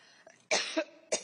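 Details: Adult woman's coughing fit during a speech, about three harsh coughs in quick succession; she apologizes.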